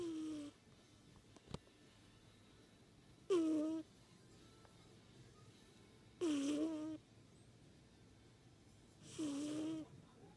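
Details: An old female cat snoring while napping.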